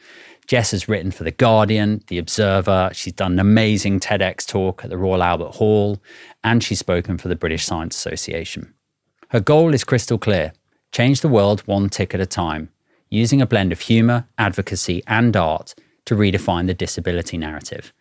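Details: Adult male speaker; normal fluent speech.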